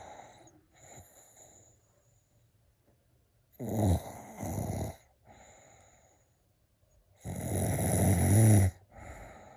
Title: Why do people snore? What are the causes of it?